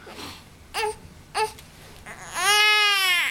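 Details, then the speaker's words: Male infant (soft spot visible) doing tummy time on a Boppy, pushing with his legs and getting frustrated: two short fussy cries, then a sustained, clear, rising-and-falling cry; ordinary infant crying. "Don't get frustrated. There you go. Oh, he was so good, and then I turned on the camera."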